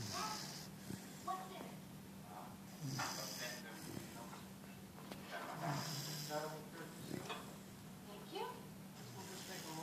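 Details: Soft, irregular snorting breaths over low room hum from a sleeping 4-month-old Bernese puppy held like a baby; snoring.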